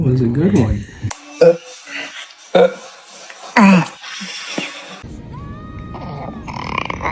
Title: Baby hiccups #baby #funnyvideo #kids #newborn #funnybaby